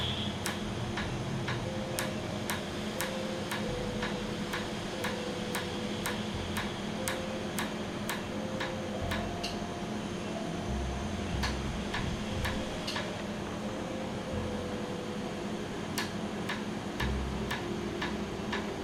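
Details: Laser tattoo removal session after 30–45 minute numbing, with cooling air; patient says it feels like repeated injections: sharp irregular snapping laser clicks about two per second over low room hum, treated area raised afterward.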